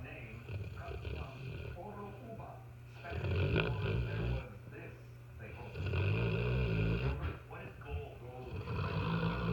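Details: Mastiff dog snoring during a typical night at home, with a person burping nearby; snoring.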